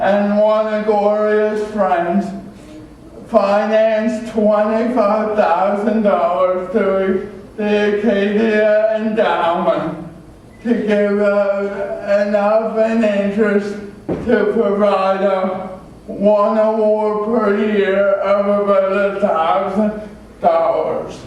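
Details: Adult male with cerebral palsy from oxygen loss at birth (umbilical cord around throat), a type with muscle stiffness and irregular movements, signs noticed around age 1, after extensive speech therapy: dysarthria (cerebral palsy).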